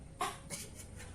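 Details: Simulated nursing demonstration of effective-cough teaching for an adult woman, given with a lung examination and deep-breathing exercise: on a count of three, one forceful deliberate cough and a softer second effort, meant to bring up sputum.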